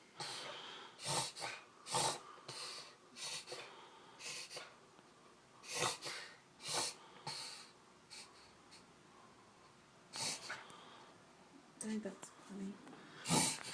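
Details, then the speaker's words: Puggle dog with a breathing problem, described as his worst episode ever and following 2–3 minutes of a worse bout: bursts of harsh snorting, wheezy breaths with irregular gaps, an episode of noisy, labored breathing. "it's okay buddy it's okay breathe this is like the worst he's ever done"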